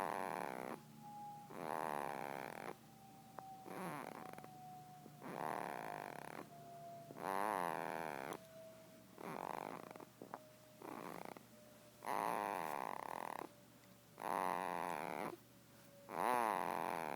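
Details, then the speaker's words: Sleeping girl, said to snore like her father: loud, regular rattling snores on each breath, about 15 breaths a minute, with a faint steady background tone; snoring. "Ronca igual o pai, com certeza tá toda babada."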